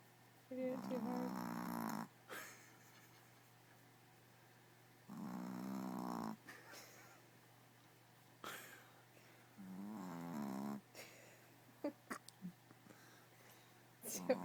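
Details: Dog snoring: three long, rough, rattling snores a few seconds apart, with quiet gaps and faint room noise.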